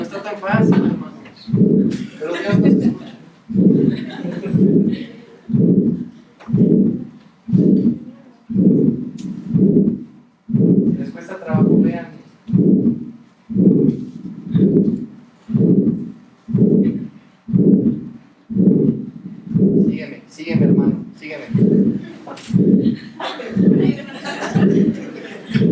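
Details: Harvey cardiology simulator: systolic murmur of aortic stenosis.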